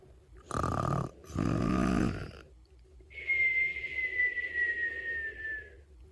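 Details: Snoring during sleep: two loud, rattling snores on breathing in, then a long, high whistling breath out that slowly falls in pitch; snoring with a nasal whistle.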